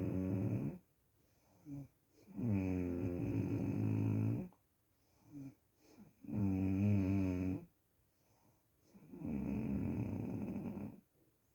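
Long, droning, buzzy snores with quiet gaps, roughly 16 breaths a minute; ordinary snoring in a small room.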